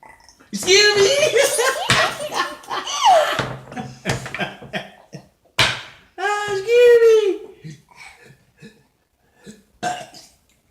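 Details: Burping contest between a toddler and her grandfather: several loud, drawn-out burps traded back and forth, with laughter and talk between them; deliberate burping.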